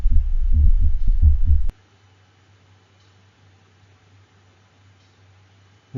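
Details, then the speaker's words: Heart sound simulator: sinus rhythm interrupted by a single ventricular premature contraction (depolarization). "typically this occurs when there is sinus rhythm and then there's an interruption with a single ventricular premature depolarization"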